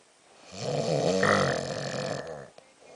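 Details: Pregnant woman snoring in sleep: one long, loud, rumbling snore of about two seconds on the in-breath; snoring.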